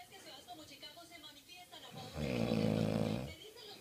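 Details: Snoring: one loud, rattling snore on the in-breath, with a television talking quietly in the background.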